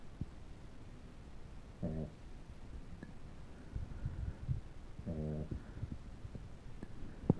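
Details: Snoring dog: two low, buzzing snores a few seconds apart with quiet breathing and faint room noise between.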